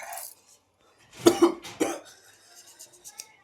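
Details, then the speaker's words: A child gives two or three sharp, dry cough bursts with brief throat-clearing after eating a very spicy Jolo chip, with watering eyes: cough. "కళ్ళలో నుంచి water వస్తున్నాయి చూడండి friends [దగ్గు] దగ్గు వస్తుంది"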